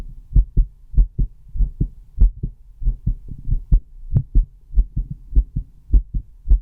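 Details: Own heartbeat recorded with a stethoscope: clear paired lub-dub sounds, about 97 beats a minute, steady rhythm; normal heartbeat.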